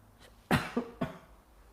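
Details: Three short coughs in quick succession from an adult woman, the first strongest, during a yoga class after a short bout of laryngitis with a croaky voice, in a quiet room.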